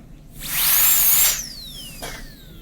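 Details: High-pitched whine of a dental high-speed handpiece rising as a bur is cleaned against a white diamond cleaning stone, then winding down; dental teaching session checking students' canine PFM crown preparations.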